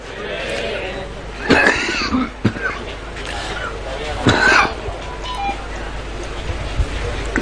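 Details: Two strong, harsh coughs break into an elderly former prime minister's speech at a rally in a large room with crowd noise; a severe cough.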